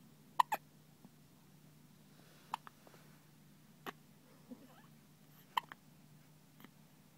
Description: with hiccups.